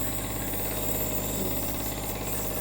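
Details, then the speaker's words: Steady buzzing motor hum with fast even vibration: nebulizer compressor running to treat a baby with a cold and a stiff cough; nebulizer previously used for the older child. "Actually ito yung nebolizer na to sa panganay ko pa to."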